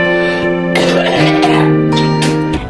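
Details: Adult woman (5'1", 130 lb) who wonders whether she had COVID-19 during a weeks-long illness shared with her children; about four harsh, violent cough bursts under loud background music, described as productive, though the wet quality is hard to confirm.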